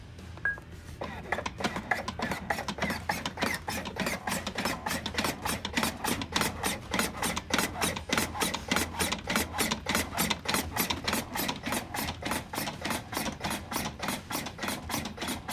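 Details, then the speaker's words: A LUCAS automatic compression device in continuous-compression mode, shown in a teaching demonstration: regular mechanical thumps with a motor whir at about 102 a minute. "you'll notice you have two choices either 30 to 2 which pauses compressions for the delivery of breaths or continuous compressions"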